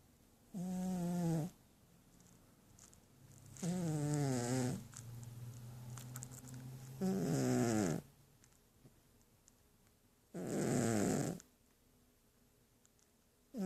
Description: Sleeping cat snores